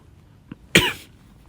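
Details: Person still sick and only slightly better, stepping outside wearing a mask: a faint throat sound, then one loud harsh cough; a single cough from a lingering illness.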